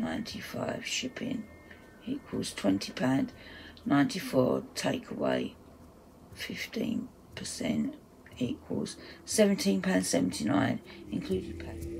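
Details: Adult's self-reported voice dysphonia, which she says is playing up; dysphonia.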